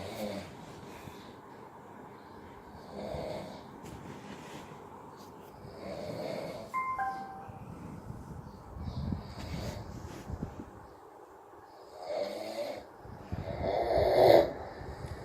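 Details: Rough rattling breaths recurring every few seconds in a quiet room and a brief tone partway through: snoring during sleep.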